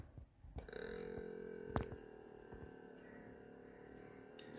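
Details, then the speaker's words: Digital blood pressure monitor, cuff tied about two inches above the elbow for self-monitoring: click, then steady electric pump hum as the cuff inflates; reading 129/76, pulse 74. "we have to just press the start button here and it starts pushing air inside and will give us a reading"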